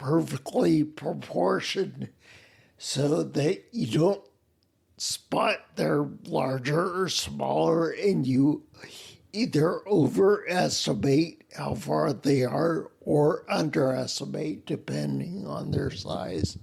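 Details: Adult man with spinocerebellar ataxia, a rare neuromuscular disease with mobility problems, speech impediment and noise-induced anxiety; slurring makes him sound drunk, staggering gait; ataxic dysarthria.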